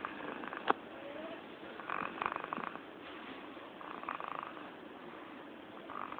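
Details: Light snoring in sleep after slight fatigue, recorded 11-01-2012 at 07:30: soft rasping breath noises recur about every two seconds, roughly 30 breaths a minute, over faint room hiss.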